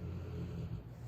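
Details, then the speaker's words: A steady, low, rumbling snore from a sleeping pet dog, heard faintly in a quiet room; snoring. "my dog that's snoring. I hope you guys can't hear that too badly."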